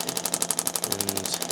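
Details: Rapid regular clacking pulses, about twelve per second, from a radial shockwave therapy handpiece on a chiropractor's lateral lower leg, treating a tendon running injury; he reports more discomfort laterally.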